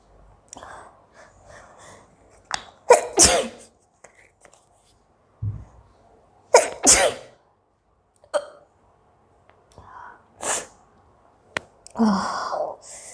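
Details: Repeated sneezing during a 10-minute hiccups and sneezing challenge: several forceful sneezes with sharp inhaled build-ups, separated by quiet breathing pauses.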